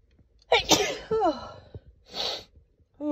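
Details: Female adult, sneezes mostly from dust allergies: two sharp, explosive sneezes in a quiet room, the first with a short drawn-out vocal release; allergy sneezing.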